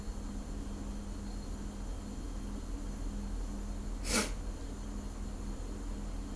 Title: Pre shower hangover sneezes